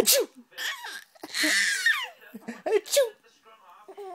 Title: Baby laughing at fake sneeze